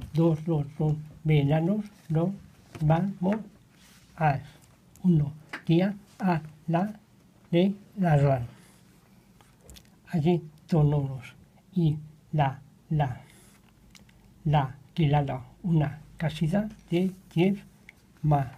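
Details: 61-year-old with nonfluent primary progressive aphasia, in therapy about two years; motor-predominant aphasia, apraxia, phonemic paraphasias and marked inhibition difficulties; connected speech during therapy; nonfluent primary progressive aphasia.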